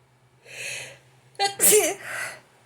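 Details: A loud indrawn breath, then an explosive sneeze and a breathy exhale in a quiet room, during a bout of frequent sneezing at night before bed; sneezing.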